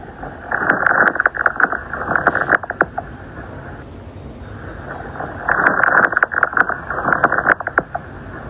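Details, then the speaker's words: Fine crackles in a student demonstration: two breaths with brief, sharp, high velcro-like pops through inspiration, linked to interstitial diseases such as pulmonary fibrosis. "Al momento de abrirse bruscamente durante la inspiración van a generar el ruido característico de velcro."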